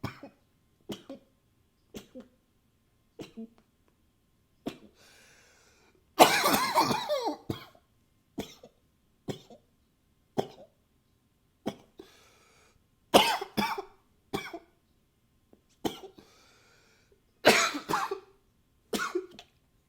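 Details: Coughing recorded with a new high-fidelity microphone: repeated single dry coughs, about fifteen over twenty seconds, with a few longer bursts like nose blowing.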